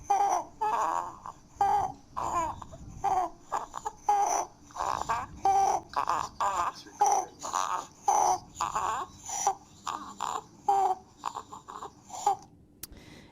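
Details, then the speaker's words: Distressed young child with croup: harsh high-pitched crowing sounds with rapid repeated breaths, upper airway stridor. "So what you're going to hear is a sealike cough. It's called a barking cough. And you might hear strider and this is what strider sounds like."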